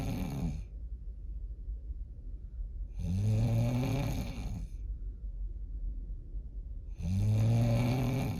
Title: PART 2!!!! Snoring like diesel truck